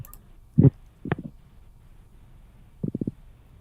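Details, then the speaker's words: Stomach rumbling (borborygmi) from a person who says they are suddenly hungry: several short, low gurgling bursts in a quiet room, the last a quick rippling run. "what what was that noise that is called my stomach noises no it sounds like there is an earthquake going on so my stomach says i'm hungry"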